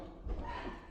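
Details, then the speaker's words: A single short, loud, oddly pitched adult sneeze with a strange animal-like, chipmunk-like quality, over room noise. "What the fuck was that? You can't be sneezing like that. You just got terrible news, or what was that noise? Is that how you sneeze?"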